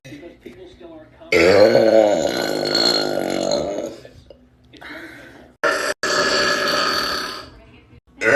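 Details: Compilation of loud, hot, gassy burps: several long, rumbling voiced belches in a row with brief pauses between them. Burping.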